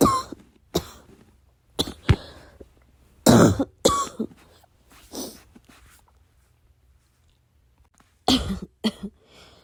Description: I had a coughing fit in the middle of the night. I needed to cough, but I couldn’t make too much noise.